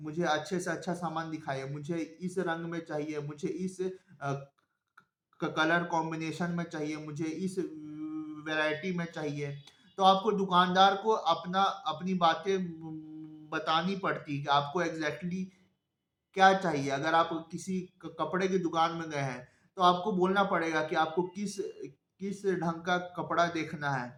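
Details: Stuttering (stammering) in a Hindi-speaking adult man who identifies himself as a person who stammers.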